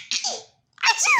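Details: A single sharp, breathy sneeze, followed by a short pause and high-pitched baby giggles.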